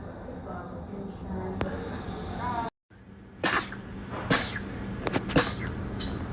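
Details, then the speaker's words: Rapid repeated sneezing: several quick, sharp sneezes in a row after a brief pause, with faint background noise. "watch me sneeze for three minutes straight"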